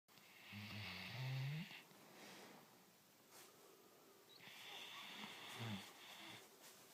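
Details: Snoring from a sleeping animal: two slow, rumbling inhalations, each with a thin high whistle on top, separated by quiet exhalation.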